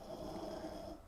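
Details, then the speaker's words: Hunter, who could not be made to stop snoring, snores extra loudly in the background of a morning live stream, as ambient snoring. "I was trying to get Hunter to stop snoring over here he's looking right at me so you're going to hear the Ambiance of snoring he's extra loud today"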